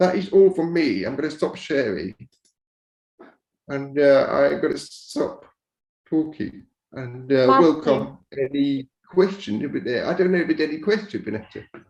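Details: Speech of a man born deaf who learned to speak rather than sign and now uses a cochlear implant after years of hearing aids; he says his speech is not perfect. Deaf speech.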